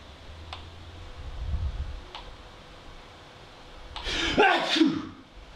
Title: The Sneeze